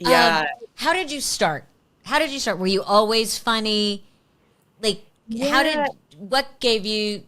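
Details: Adult woman; typical speech.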